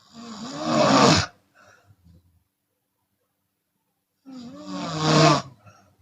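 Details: Open-mouth snoring from a Chinese woman, sometimes on breathing out: two loud, groaning, voice-like snores separated by about three seconds of silence.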